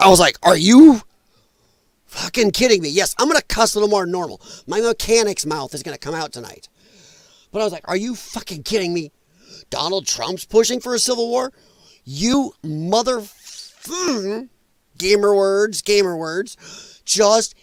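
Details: Male with dysphonia from vocal cord damage caused by infections related to his lung problem; he describes it as a disability. Finding: dysphonia.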